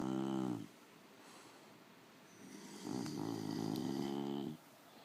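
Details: Loud, buzzing snores, with a quiet pause between them, from a sleeping "bully" dog: snoring.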